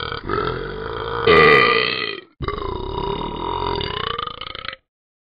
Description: The Burping Never Stops!!!!!